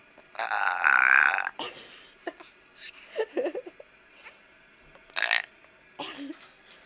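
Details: Pet parrot imitating burping (and farting sounds): a long burp-like croak, scattered chirps, then a second short burp-like sound.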